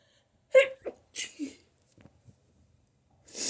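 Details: Sneezing from allergies: a sharp sneeze burst with short follow-on snorts and breaths, then a nose-blowing rush of air.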